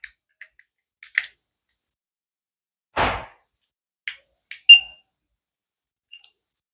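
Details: Clicks and a handling thump, then a single short high electronic beep from a newly unboxed black fingertip pulse oximeter that sounds but shows nothing on its display, possibly faulty.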